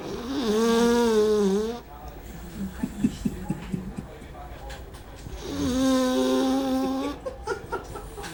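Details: A sleeping small female dog gives two long, loud, tonal snoring breaths, with faint taps and room noise between; a ringing phone does not wake her: snoring.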